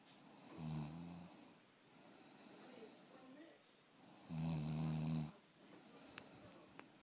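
Two low, rattling snores on breathing in, with quiet breathing out between them and faint room noise.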